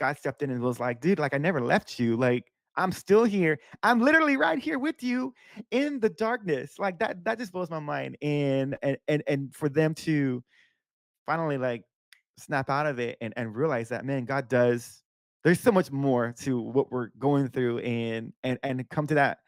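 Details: Stuttering (disfluency) in a man who says he stutters a lot because his thoughts come faster than his mouth can keep up; unedited speech.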